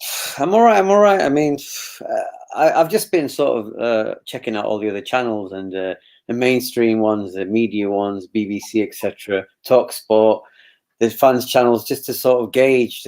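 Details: Adult man speaking; normal voice.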